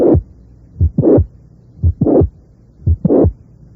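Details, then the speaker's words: Teaching recording of a mid-systolic click, possibly from the mitral valve or chordae tendineae, followed by a rough late systolic murmur, with a regular heartbeat of about 58/min. "a veces el soplo se inicia con un chasquido meses históricos y la evidencia reciente indicaría que también el testigo puede ser producido tanto por la válvula mitral como por las cuerdas tendinosas figura 5"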